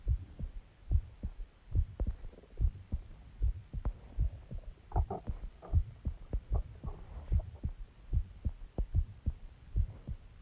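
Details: Self-recorded heartbeat after eating eggs and ice cream and drinking Coke: low dull thumps about 74 beats a minute under faint hum; ordinary heartbeat.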